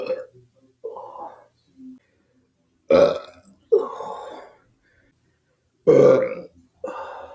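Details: About six loud, voiced belches in a row with short pauses between them; repeated burping.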